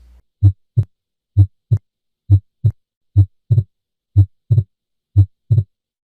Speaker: This is normal physiologic S2 splitting. I'll play you an example of this now. The first three beats are during exhalation when S2 is single, and then the beats after that are during inspiration when S2 splits.